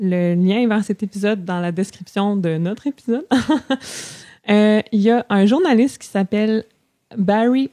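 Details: Adult woman who stutters; stuttering.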